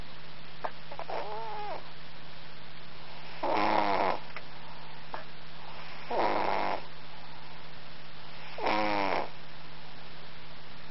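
Regular rattling snores about every two and a half seconds, roughly 24 a minute, over a steady background hum; a cat snoring.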